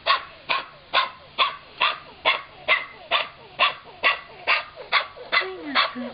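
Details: Chihuahua x Miniature Pinscher shelter foster dog with kennel cough, said to be feeling better: a rapid, regular run of about fourteen harsh, hacking coughs.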